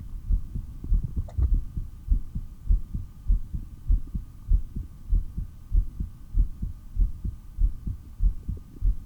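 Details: Steady, regular low thumping normal heart sounds through a stethoscope at about 97 beats a minute, over a faint hum, recorded during breath-hold practice: a 3-minute breath-hold then only 15 breaths in 17.5 minutes.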